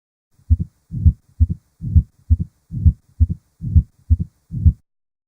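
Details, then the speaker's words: Series of five common heart murmurs, systolic and diastolic, plus extra heart sounds; regular heartbeat near 67 a minute, crisp split sounds alternating with a longer blurred whooshing sound. "so I was pretty much a whirlwind of five pretty common murmurs and some extra harp sounds"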